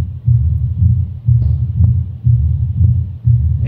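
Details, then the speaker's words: Simulated pure, uncomplicated mitral stenosis, auscultated with the bell with the patient tilted to the left: regular beat about 60/min with a low-pitched, rough, rumbling mid-diastolic murmur growing louder at the end of diastole. "And there is a mid diastolic rough rumbling murmur which becomes louder at the end. Okay. This murmur is best heard with the bell because it is a low pitch mber."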